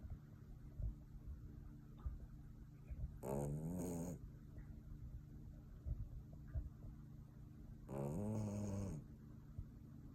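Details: Puppy snoring: two low, buzzing snores with rising squeaky edge, about 13 breaths per minute, over room hum and small knocks.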